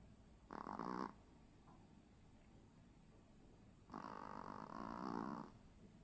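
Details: Little brother snoring: two soft, buzzing breath sounds, one short and one longer, over faint background hum; a small child snoring in sleep.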